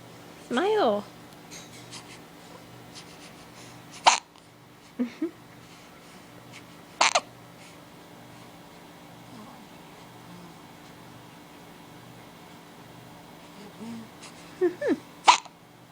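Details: About three sharp, brief hiccups at irregular intervals from a 4-day-old baby, over quiet room noise with soft voices nearby: hiccups.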